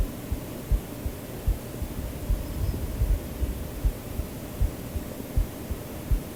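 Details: Self-recorded heartbeat of the video's creator, mixed into a white-noise sleep-aid track: soft regular low thumps at about 79 beats a minute under steady hiss, an ordinary normal heartbeat.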